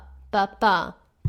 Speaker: listening to heart sounds is to tap it out and what i mean by that when i was taking the questions and i heard this heart sound i would literally put my finger on the desk and tap it out like